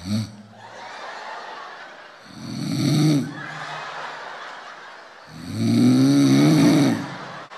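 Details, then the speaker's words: Two loud, low, rattling snore-like snorts over soft breathy noise, mixed with laughter-like sounds; a person snoring loudly beside the listener's ear: snoring. "lo suave que roncan al principio así de te sientes en la playa con esos ronquidos cuando más relajada estás bien el primer fregar así no te avisan a qué horas no más de buenas a primeras"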